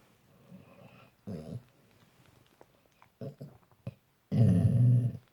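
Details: A sleeping Labrador dog snoring: irregular low rumbling snorts and snores in a quiet room, ending with a loud, long snore.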